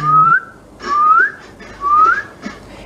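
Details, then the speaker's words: A simulated expiratory wheeze voiced in an asthma teaching class: three rising whistled tones imitating air forced through narrowed, sticky airways. "ese pegoteo por la pared me va a formar un sonido ese sonido Sí normalmente suele ser como si fuera un silvido"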